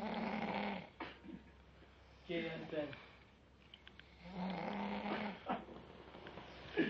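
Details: Three loud, rough, rattling snores with a low buzzing vibration, coming about every two seconds with quiet breathing between.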